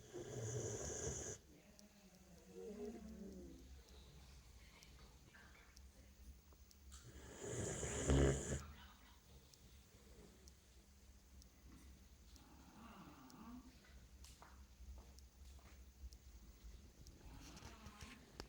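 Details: A tired mother dog sleeping soundly after a hard day gives a few soft, rumbling snores with long quiet gaps between them: snoring.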